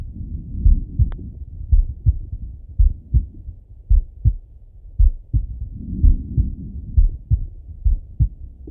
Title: Sleepy Auscultation (Slow Heartbeat)😴❤️🩺 [Male Heartbeat]